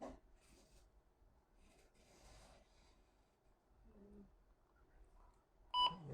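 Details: Andromeda SY5000 syringe pump with a 50 ml syringe, rate set to 100 and target volume being selected: quiet room, faint tones, then a sharp high keypad beep confirming the selection.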